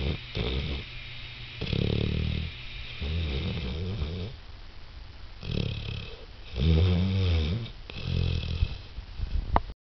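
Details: A 6-month-old St. Bernard dog snoring: loud, deep, rattling snores with snorting breaths in a small room.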